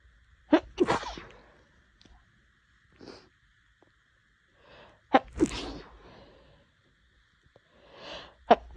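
Several sharp sneezes, each with a quick breath in and an explosive burst out, separated by quiet pauses and sniffs.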